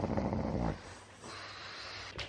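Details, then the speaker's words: Dog snoring heard in background: a single low, rumbling snore, followed by quiet room noise. "you can probably hear the dog snoring oh yeah thinking what's that noise"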